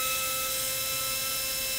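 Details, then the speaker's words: Low-speed dental handpiece from a dental student kit, run for 30 seconds after oil lubrication: a steady high-pitched continuous whine. "com uma gaze caso tenha usado um pouco de óleo você vai acionar novamente por 30 segundos"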